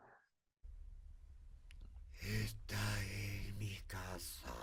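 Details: Patient with right vocal fold paralysis, initial pre-therapy sample saying 'Esta es mi casa', with severe breathiness, roughness and strain; severe breathy dysphonia from unilateral vocal fold paralysis.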